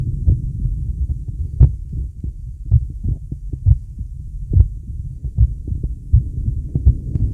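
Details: Adult male heartbeat: regular low thumping around 75 beats per minute with a soft rumble of deep breathing underneath; normal heartbeat.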